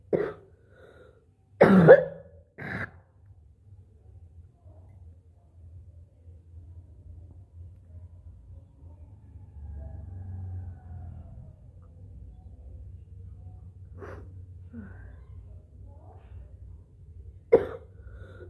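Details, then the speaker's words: A few scattered coughs and throat-clearing hawks with quiet gaps, bringing up thick phlegm in the morning; productive (wet) cough, turning dry once phlegm is cleared. "मोटा वाला बहुत कफ है। पूरा मोटा कफ निकल रहा है गाइस। देख सकते हो इतना कफ जमा हो गया है।"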